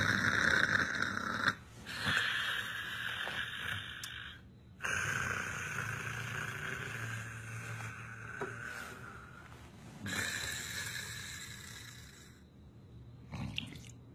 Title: Stop snoring 😴